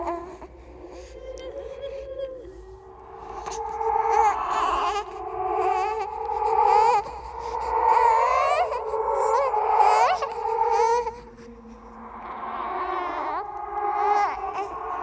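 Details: Processed horror "ghost baby" sound effect, not a real recording: wavering, rising and falling wails in bursts with an eerie quality, simulating infant crying.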